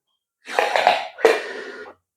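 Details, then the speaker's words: Physiotherapist demonstrating inspiration through a Respiron ball-type incentive spirometer, which works by increasing lung volume to lift the balls; no nose clip worn. Two forceful, harsh, hissing inhalations, the second sharply started. "Então, ele é um aparelho, ele funciona à base de incremento de volume pulmonar, eleva-se as bolinhas."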